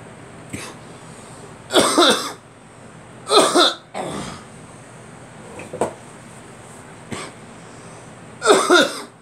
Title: Me coughing